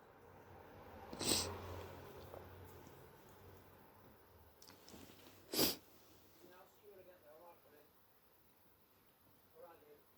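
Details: Sneezing from suspected hay fever with an early cold, sore throat, itchy, blocked stuffy nose and mouth breathing: two sharp explosive sneezes a few seconds apart, then sniffing and wet nasal noises.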